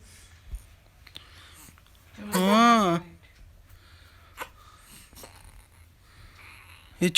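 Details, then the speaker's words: A 3-month-old infant gives a brief cooing whine, with short, abrupt hiccup catches about every three seconds in a quiet room: infant hiccups. "हिचकी आ रही है। हिचकी परेशान कर रही है।"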